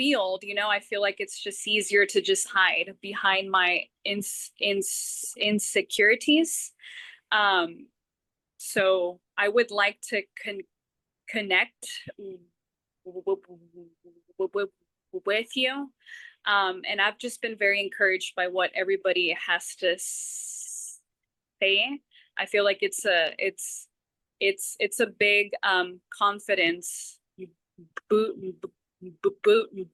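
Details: Adult woman who stutters, with part-word and word repetitions; stuttering.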